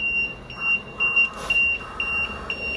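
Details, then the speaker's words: Rapid, repeating high-pitched beeps with a faint second tone from an LTV ventilator in a respiratory care tutorial: the high pressure alarm, described as the second most common alarm. "Probably the second most common alarm you're going to get is the high pressure alarm, and that's going to be"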